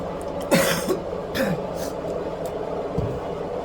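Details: Coughs amid household noise such as laundry during an eating video of half a braised chicken: two or three short cough bursts over steady room noise, the last faint.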